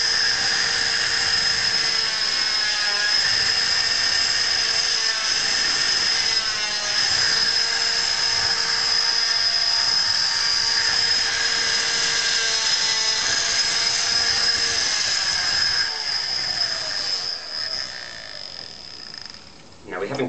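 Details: Oscillating cast saw cutting away part of a foot/ankle cast to remove a boot, subject wearing sock and guard; high-pitched whine with pitch dipping at each push into the casting material.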